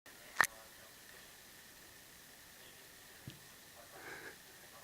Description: Loki the 14-week old Golden Retriever with hiccups